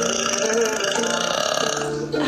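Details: Girl burping in a TikTok burp compilation: one long, loud, rumbling belch lasting about two seconds; a prolonged burp.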